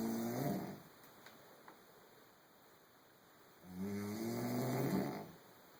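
Two loud, rough, fluttering snores on breathing in, with quiet pauses between and faint room noise.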